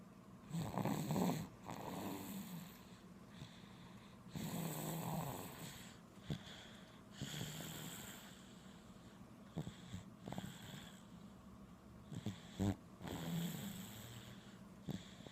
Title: SNORING BABY!